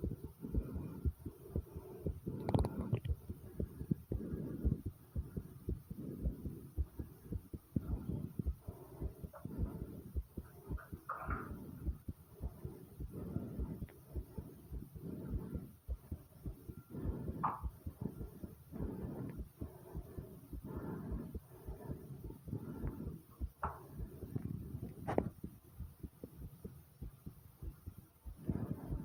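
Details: Own rapid, pounding heartbeat: fast, strong low thumping with occasional gurgling stomach (bowel) sounds rising over it.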